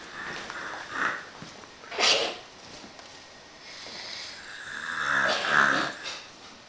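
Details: Irregular raspy, snorting breaths ending in a noisy rattling snore from a passed-out, deeply asleep adult, with faint room noise; snoring.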